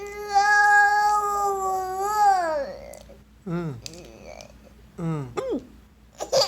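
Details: Infant boy crying: a long, sustained wail falling in pitch, followed by shorter cries and whimpers.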